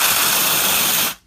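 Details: Steady loud hiss of pressurized liquid nitrogen spray lasting about a second, then stopping: cryotherapy of small warts on the fingers.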